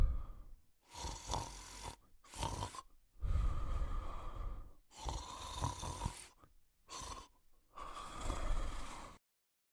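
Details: A male Golden Retriever and a Cocker Spaniel snoring during sleep: loud, rough, rattling breaths in and out, about six in ten seconds, with snorting catches.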